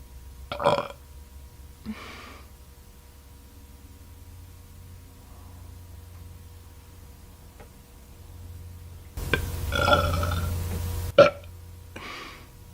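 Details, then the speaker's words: A woman in a red bra burping repeatedly: several loud, voiced belches separated by quiet pauses, with a short exhale afterward. "Whew. It's a lot of burps."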